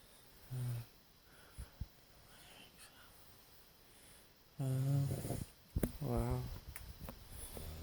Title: My three teddy and me asleep snoring